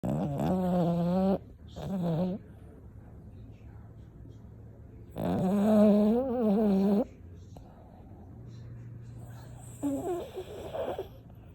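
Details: Sleeping dog snoring: repeated wavering, buzzy snores with a whistling, moaning quality, separated by quiet breaths.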